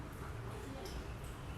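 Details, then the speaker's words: Fetal heartbeat in a pregnant woman with a breech-position baby: rapid, very regular whooshing beats at a stated 120 beats per minute, judged normal. "saya dengarkan dulu Detak jantung janin nya di sini sangat teratur Bu Detak jantung janin ibu bisa dengar ya"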